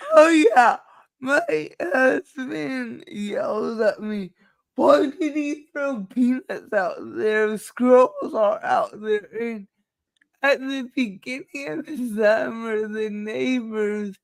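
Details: Dysarthria due to cerebral palsy in a woman, who states nothing can be done about it.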